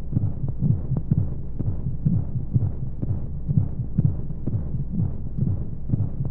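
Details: Womb sound sleep aid for babies: muffled, rapid thumping heartbeat at about 125 a minute, regular, under a steady low whooshing flow noise and white noise, as heard inside the womb; heartbeat.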